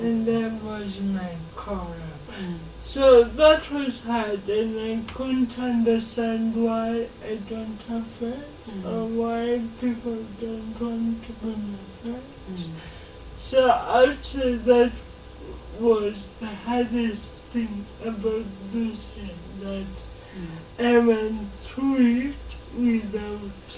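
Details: Dysarthria in a 26-year-old woman with lifelong cerebral palsy, who learned to talk later than other children; real, not acted.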